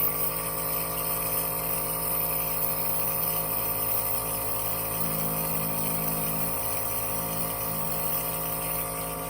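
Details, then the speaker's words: Continuous steady mechanical hum and rattle of a small home nebulizer compressor running, used with a face mask for hydrogen peroxide solution inhalation, treatments lasting 15–20 minutes; nebulizer compressor running. "and you turn on the on switch there's only one switch on this it's real simple"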